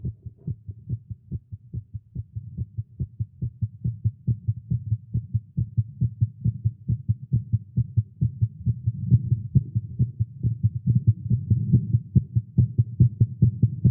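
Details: Male heartbeat after exercise with caffeine: loud, rapid, low thumping at about 140 per minute, rather uneven in strength; fast heart rate.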